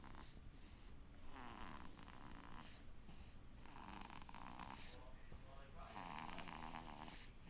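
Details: Snoring while asleep: repeated rough, noisy breathing sounds about every second or two, over steady room noise.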